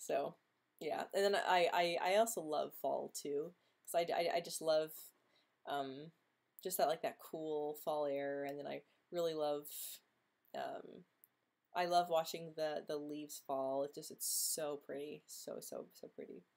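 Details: Stuttering in a woman who has stuttered since age 9 or 10 and reports being quite disfluent this week, with blocks and tension in her jaw, mouth and tongue.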